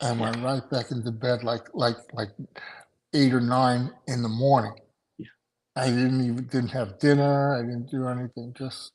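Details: Adult male stroke survivor with aphasia after two strokes in November 2017, including a hemorrhagic stroke; right-sided weakness, unusable right hand without feeling, short-term memory problems, 10 seizures since; aphasia.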